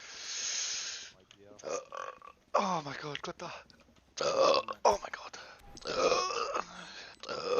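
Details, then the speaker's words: A male streamer in a compilation of repeated croaky, voiced burps, mixed with brief speech sounds and a hiss at the start; burping. "Oh my god, the burp compilation is going to go crazy, bro."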